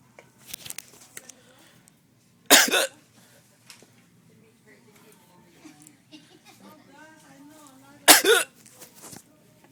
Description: When i get hiccups i tend to cough then i hiccup right after its kind of weird